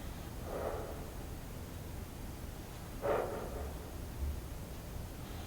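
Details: Sleeping female Welsh Corgi, adopted at 4 months old, gives two soft snorting snores about two and a half seconds apart over steady low room noise; snoring.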